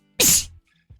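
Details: One sudden, hissing, explosive burst of air that trails off quickly: a sneeze from a compilation of sneezing blonde women.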